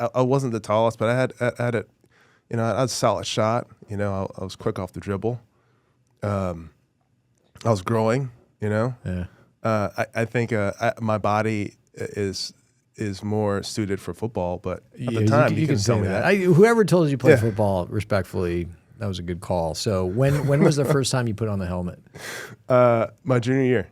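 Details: Adult male former professional football player who grew up with a very severe stutter, always had to work on it and says it is probably still audible now; stuttering.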